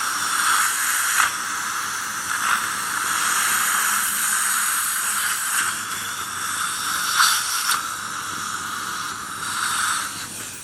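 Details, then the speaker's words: Steady hissing spray with brief sputters: a dental air-water syringe rinsing etchant, left for 60 seconds, off the palatal tooth surfaces before bonding a fixed retainer. "Right, let's wash this off now."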